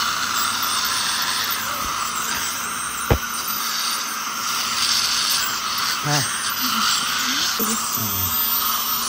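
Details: Ultrasonic dental scaler removing heavy tartar during teeth scaling and cleaning: constant high-pitched hiss and whine with water spray, plus brief scraping sounds.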